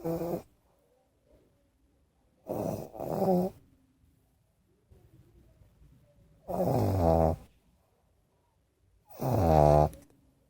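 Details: Pug taking a nap: loud, low, grunting snores in bursts, some doubled, with silent pauses between them; snoring in a flat-faced dog.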